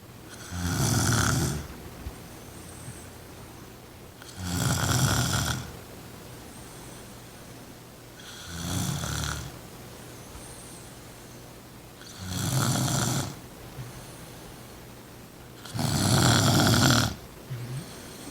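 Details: A woman snoring loudly on the couch, with a cat also snoring: loud, rattling snores repeat about every four seconds, roughly 16 a minute, with a steady low room hum between; snoring.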